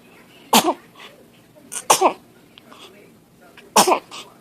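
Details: A baby sneezing: three short, sharp sneezes with quick catches of breath between them.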